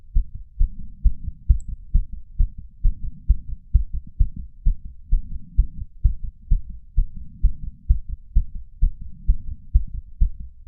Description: Audio recording of the racing heart of a 31 year old male, pounding away after exercise. Starts around 150 beats per minute, ends up around 130 bpm.